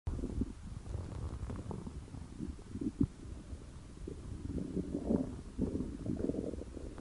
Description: And The Like Good Stomach Gurgle, This My Hungriness Good.